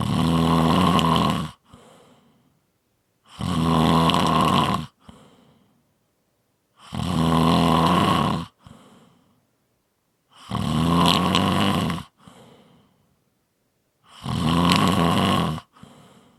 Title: 5 Minute Snoring Audio